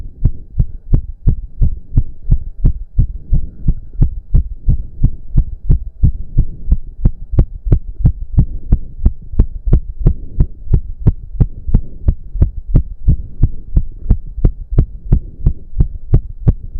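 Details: Male during a roughly 15-minute intense cardio workout, with heavy breathing. Very fast, regular, forceful heartbeat of about 175 bpm over a low hum; reported close to 200 bpm. Exercise-induced sinus tachycardia.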